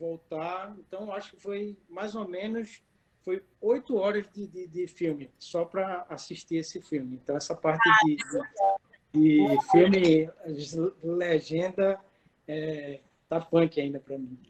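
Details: Adult woman with aphasia after a stroke in December 2016, about three and a half years post-onset; still finds figurative language difficult and needs others to speak slowly: aphasia.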